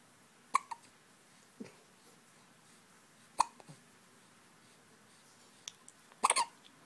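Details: Attack of hiccups: brief, sharp hiccup sounds with a few small follow-up clicks in a quiet room.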